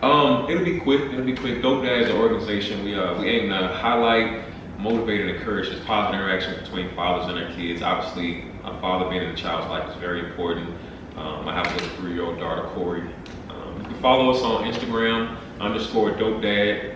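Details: Adult male speaker; typical speech.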